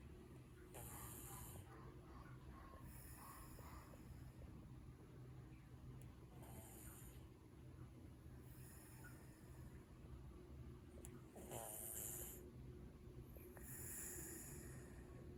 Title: snoring cat maru 😘